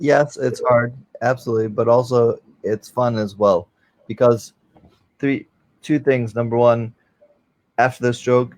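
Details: Aphasia after stroke, from a live conversation between two people with aphasia: a male guest with aphasia since a stroke in 2007 and a host who also has aphasia and is recovering; aphasia.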